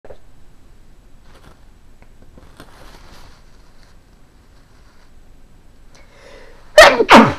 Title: Random sneezing